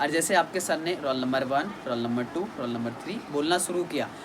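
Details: Adult man speaking Hindi; plain speech.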